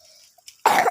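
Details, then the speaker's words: Child with a cough and cold, playing outdoors in mud after rain: a single loud, harsh cough burst after a quiet moment with faint outdoor noise. "No, batuk-batuk lagi sakit."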